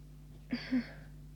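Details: Stifled sneeze near the end of a cold, tickling sneezes: a quick breath in, then a muffled burst through nose and mouth, over steady room hum.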